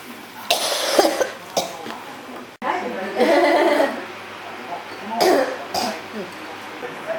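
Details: Persistent cough: repeated harsh, partly voiced coughs in quick runs with short pauses between them.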